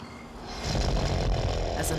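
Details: A single loud, rough, low-pitched snore building over about a second from a sleeping woman described as a champion snorer, with snoring so severe it leaves her exhausted; in a dramatized story; snoring.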